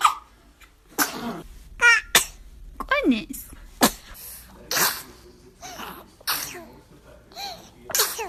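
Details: Babies sneezing: several short, sharp infant sneezes among adult voices saying "bless you" and light laughter; ordinary baby sneezing.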